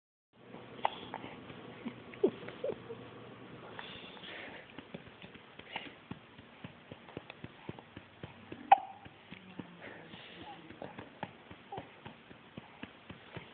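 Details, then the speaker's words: Infant girl with hiccups that do not make her cry: a few brief hiccup-like gulps among many soft clicks and rustling noises in a quiet room; infant hiccups. "you'd think those hiccups would bother her you know but she never like she never cries when she gets them"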